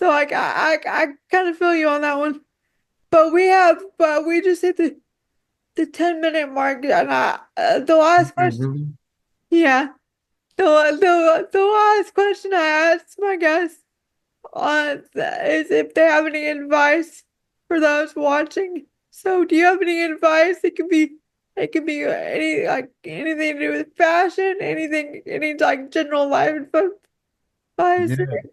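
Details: Woman with quadriplegic cerebral palsy affecting her whole body, whose speech leads viewers to ask if she is crying; frequent word and phrase repetitions; dysarthria (cerebral palsy).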